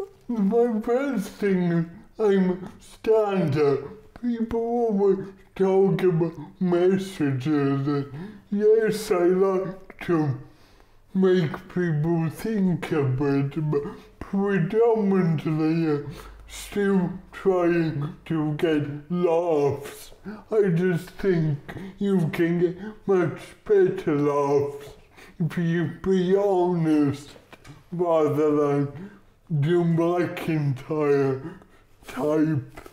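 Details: Dysarthria from cerebral palsy in a male stand-up comedian; audiences take a while to lock into his speech.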